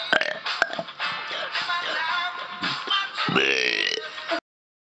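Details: Deliberate burping by a man: a run of loud, drawn-out voiced belches, one after another.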